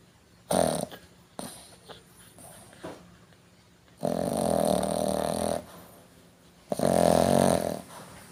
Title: snoring dog ☺️